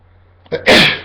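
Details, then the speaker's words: Self-induced sneeze, provoked by tickling inside the nose with a Q-tip: a brief indrawn breath, then one loud explosive sneeze, felt as relieving, with watery eyes; ordinary normal sneeze. "tickle wow it's was like so relieving to sneeze you know like I always thought it was relieving but this is like a different way it's interesting"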